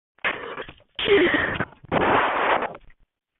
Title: Few sneezing